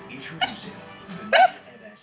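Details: Puppy with hiccups that seems scared and confused by them: two short, sharp bursts, each a hiccup or a small bark, over background music and talk.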